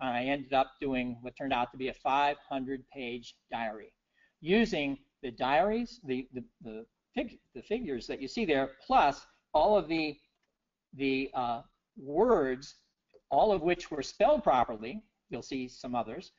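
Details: Adult man with persisting aphasia about six years after a 2011 stroke that left him initially unable to read, write or speak well; he notes he has just said wrong numbers; aphasia.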